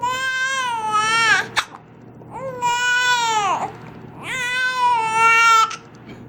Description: She got the hiccups and wasn't too happy about it.